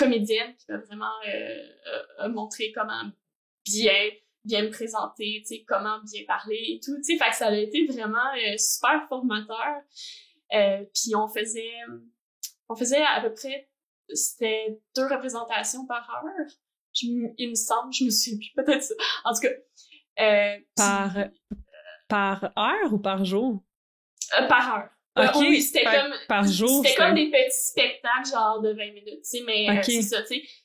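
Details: Adult woman who stutters and also has ADHD, and has had speech-language therapy; stuttering.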